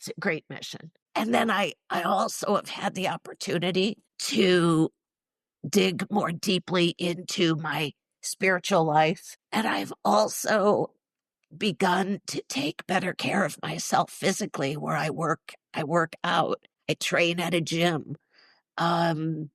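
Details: Adult woman, former choir singer and special education teacher, with neurological spasmodic dysphonia involving the basal ganglia, plus essential tremor; treated with Botox injections to the vocal cords; condition especially affects vowels; spasmodic dysphonia.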